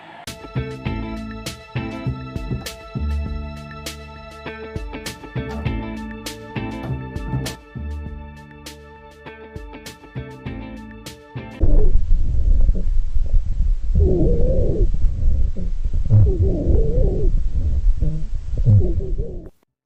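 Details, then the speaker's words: Rhonchi (dry rhonchi): low-pitched rumbling, snoring-like added breath sounds from mucus or fluid vibrating with passing air, after guitar music. "Adalah bunyi nafas tambahan bernada rendah yang dihasilkan karena adanya gerakan mukus atau cairan dengan udara yang lewat konsistensi mukus yang tidak solid menyebabkan vibrasi. Seperti ini bunyi nafas runci."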